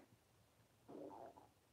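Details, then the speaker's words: Stomach growling during a live watercolor painting session: a brief low gurgling rumble, ordinary hunger growling from gas and fluid moving through the gut. "don't know if you can hear my stomach growling or not it's just kind of awkward I'm sorry"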